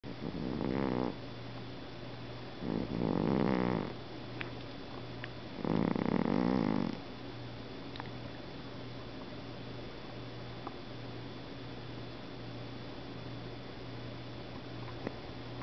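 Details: A sleeping Norwegian Forest Cat, twitching as if dreaming, gives three loud, rattling snores, each about a second long, over low room hum: snoring.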